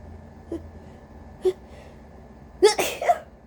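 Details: Small catching breaths, then a forceful induced sneeze burst in a quiet room, from a person with a cold and a very congested, sensitive nose.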